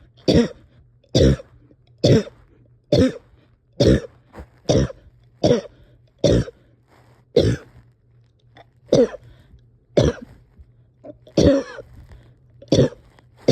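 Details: Repeated harsh single coughs, about one a second, in a long run with short breaths between, from a person struggling to breathe and having a hard time resting or getting comfortable.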